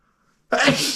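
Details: Man sneezing loudly, with nose rubbing after the sneezes: a single sudden, forceful, hissing burst of air after a short silence; one sneeze.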